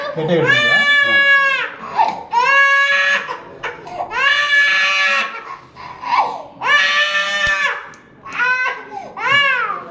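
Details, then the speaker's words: 9-month-old baby boy at his ear piercing, crying as soon as the ears were marked, frightened by being held: loud, rising and falling wails in about five bouts with catches for breath; infant crying from fear and distress. "just mark ಮಾಡ್ತಾ ಇದ್ರು ಅಷ್ಟಕ್ಕೆ ಏನೋ ಮಾಡ್ತಾ ಇದ್ದಾರೆ ಅಂತ ಹೇಳಿ ಅಳೋದಕ್ಕೆ ಶುರು"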